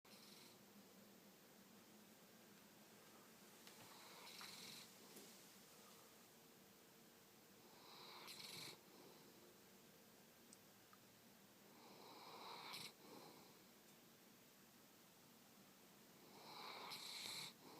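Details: Sleeping cat snoring with its tongue out: soft, airy, hissing snores, about 14 breaths a minute, slow and regular.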